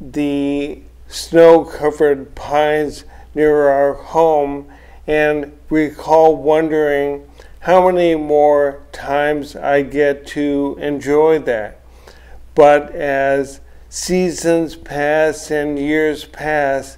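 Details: Adult man, a retired physician, with ALS diagnosed in 2016, speaking about six years after diagnosis; dysarthria (ALS).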